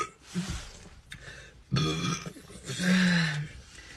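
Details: Two or three low, rumbling throaty belches with a little noise between them, after drinking; burping.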